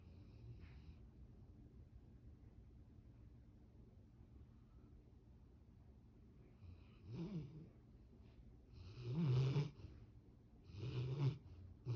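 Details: Sleeping Labrador puppy in deep sleep: quiet background, then three low rattling snores growing louder; snoring.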